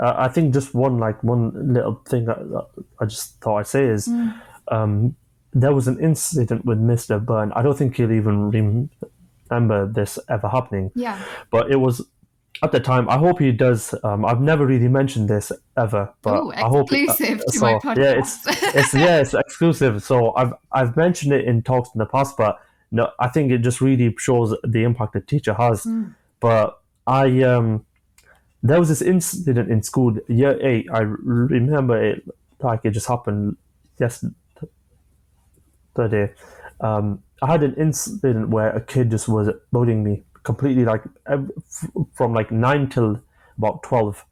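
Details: 25-year-old man with stammering (stuttering) since early childhood, which he says began after an asthma attack; he experiences blocks and manages them with breathing methods and pauses; stuttering.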